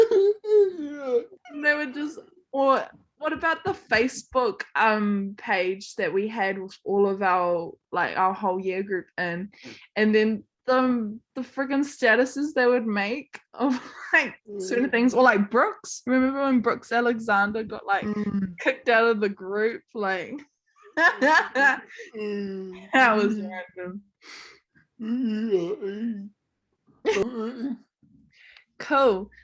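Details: Adult speaker; typical speech.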